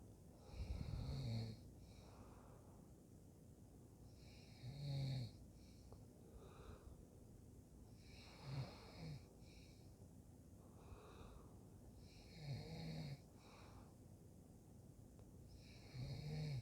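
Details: Low rumbling snores about every four seconds, roughly 15 a minute, over faint room hiss; ordinary snoring.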